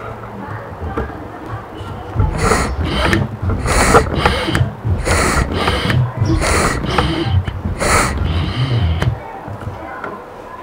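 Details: Rhythmic puffs of rushing air over a low mechanical rumble as a double-action DIY ventilator compresses its bags, demonstrated with orange balloons: mechanical ventilator bag compression.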